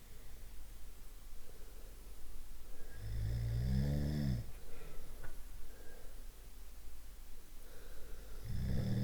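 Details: Deep, rattling snore on an in-breath, then a pause and the start of the next snore; one of several snoring types, ordinary snoring.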